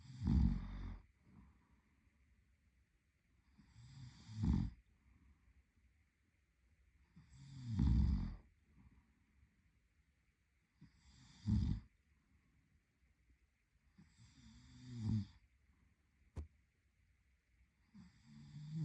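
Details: A sleeping adult man (boyfriend) snores regularly with low, fluttering snores on each breath in, about 16 a minute, over a steady faint hum; ordinary snoring.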